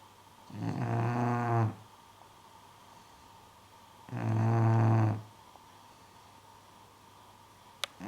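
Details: English bulldog snoring: two loud, low, rattling snores about three seconds apart, each lasting roughly a second, in a quiet room.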